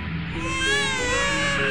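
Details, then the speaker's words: Brief, sustained high-pitched infant wail, tonal and rising and falling, over faint background noise; infant crying. "so the next time you're on a plane and hear the screams of the baby try to loosen up"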